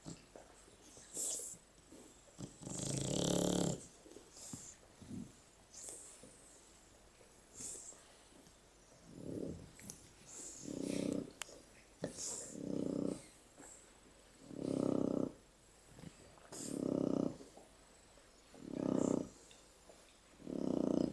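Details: Sleeping, cuddling Shar-Pei dogs; rhythmic rattling snores roughly every two seconds, growing louder toward the end, with brief soft voices in the room: snoring.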